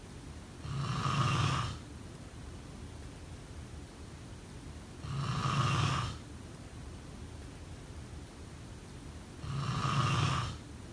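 Three steady rasping snores on the in-breath, about 14 breaths a minute, quiet between them.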